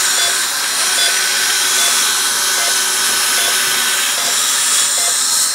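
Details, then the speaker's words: Dental implant drill preparing initial 2.2 mm osteotomy holes through a screw-fixed surgical guide in a woman's lower jaw: continuous high-pitched hissing whine with faint rhythmic pulsing. "So we're now drilling our initial osteotomy holes with 2.2 millimeters."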